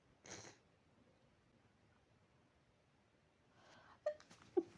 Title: insomniac sneezes